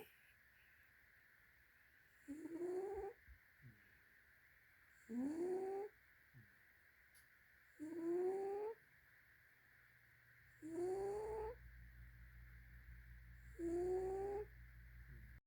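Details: Snoring during sleep: five regular snoring breaths with a rising, whistling tone, about 21 a minute, over a steady room hum.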